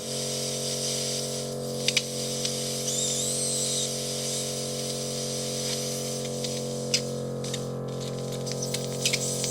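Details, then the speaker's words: Earwax removal by microsuction in a woman's very narrow ear canal blocked by soft impacted wax, after generous oiling and tragus massage: steady loud suction hiss with hum, clicks and crackles as wax slowly travels up the tube. "Letting the suction do the work, and finally movement, very slowly. It's beginning to travel up the tube."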